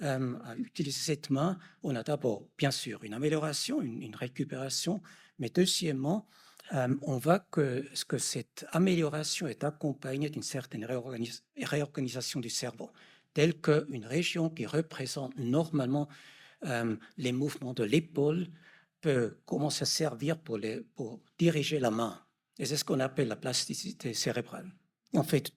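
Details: Adult male speaker; normal speech.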